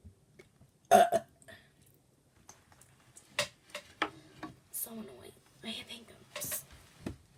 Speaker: I better go. The hiccups are taking over.